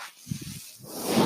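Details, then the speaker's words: Brief low thumps then a rising airy hiss of air pushed through tubing as the speaker's own mechanical ventilator delivers a breath while he talks on a podcast; mechanical ventilator breath cycle. "my name is that noise of hearings my ventilator and thank you for tuning in page-turners they were not my Star Wars podcast"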